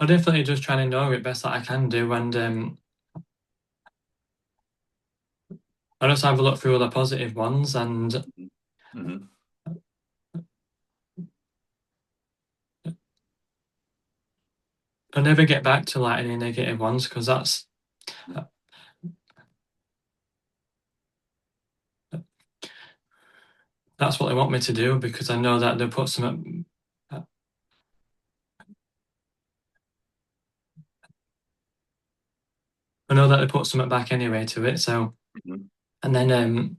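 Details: Male stuttering advocate who stutters, speaking in an interview with frequent blocks and long pauses: stuttering.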